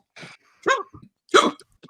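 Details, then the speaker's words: Hiccups in a man during a drunk podcast livestream: three abrupt, short voiced catches under a second apart, with talk and music around them. "oh [Music] oh hiccup again [ __ ]"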